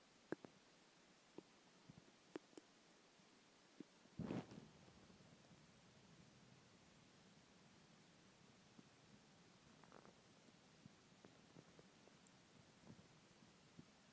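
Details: Sudden gurgle then a low rolling rumble and faint bubbling from an empty stomach after skipping lunch; ordinary hunger stomach growling (borborygmi).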